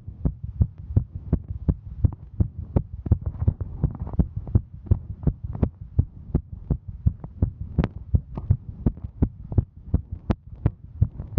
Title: Female Hiking Heartbeat